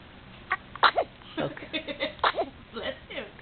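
Several short, sharp bursts of air like sneezes, mixed with brief voices; a series of sneezes.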